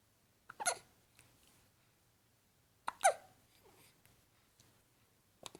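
Three short, abrupt catching sounds a few seconds apart in a quiet room, typical of hiccups.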